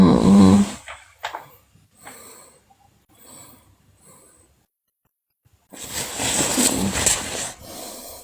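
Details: Sleeping girl snoring: loud, rough snoring breaths with quieter breaths between them and a short silent pause; the recording also features bruxism and delirious sleep episodes.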